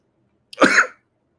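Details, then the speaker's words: A single harsh cough burst, under half a second, in a quiet room from an adult teacher who says they are coughing very badly. "because I'm sorry for my voice coughing very badly"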